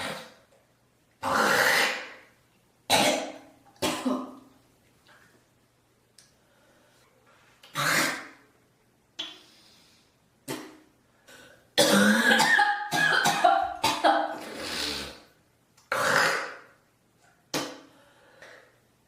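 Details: Morning productive cough with spitting: repeated harsh coughs and throat clearing with a wet hacking run.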